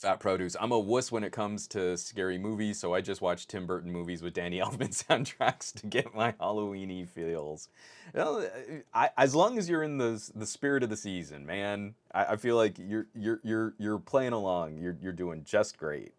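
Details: Adult male podcast host who says his stutter is starting to kick in; stuttering with word and part-phrase repetitions.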